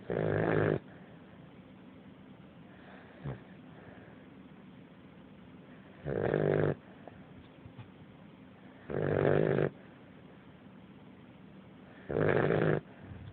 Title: Ali snoring - 7 weekly Fila Brasileiro Puppy :)